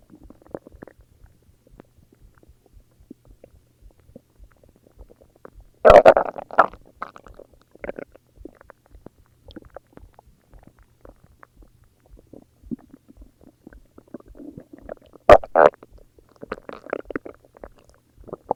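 Soft gurgling and bubbling rumbles with two louder growling bursts: ordinary stomach growling from gas and fluid moving through the gut.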